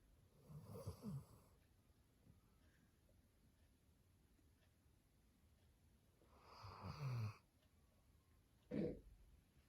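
Low, rumbling snores recur with breathing, three bursts over about ten seconds, with quiet pauses between them in a quiet room.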